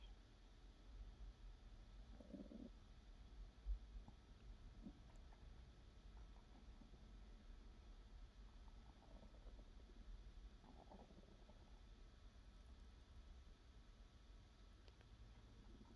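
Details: ASMR recording of a hungry person's own belly (hunger pains, digestion): faint low gurgles and rumbles under steady background hiss; hungry stomach borborygmi.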